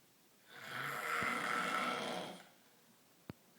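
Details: Adult male snoring: one long, rough, fluttering snore on a breath, then quiet room noise.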